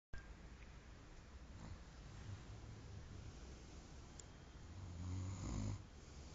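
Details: A friend snoring on Christmas Day: low, rumbling breathing swells into a louder snore near the end, over steady room noise; snoring.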